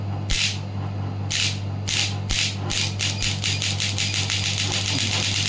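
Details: Pneumatic shockwave therapy device demonstrated for physiotherapy; hissing bursts, slow and spaced, then quickening into rapid tapping over a steady hum.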